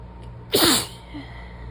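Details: One sharp sneeze over low room hum, part of a sneezing fit that began while lying down to rest after getting home from work.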